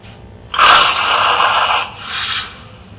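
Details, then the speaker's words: Snoring after apnoea during drug-induced sleep endoscopy (DISE), after midazolam and before propofol: silence, then one rough rattling snore as a little air passes, fading back to quiet. Repeated obstructive apnoeas are seen. "this is a patient not propal is not given yet just metam is given look at the movement he's in apnea now little air is"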